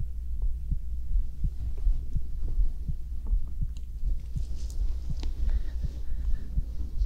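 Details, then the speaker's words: Binaural ASMR recording of a person's own heartbeat while lying down to sleep: steady, soft low thumps at about 82 beats a minute over a low hum; a regular, calm, normal heartbeat. "大家好我是今天呢是心跳聲的陪睡影片大家也做睡覺的準備點上香芬一起睡覺吧"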